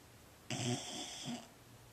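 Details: Fostered female boxer dog snoring while asleep: a single short, snorting, raspy breath sound; typical snoring of a short-nosed dog.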